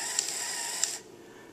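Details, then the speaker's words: A brief high-pitched motor whir with faint clicks, then it stops: CADD infusion pump running while priming the tubing for a child's TPN, drawing volume from the bag. "you'll hear the pump as it pushes the fluid through you'll also see that the numbers on the pump are changing and this is just letting you know how much volume is being taken from the bag to Prime the"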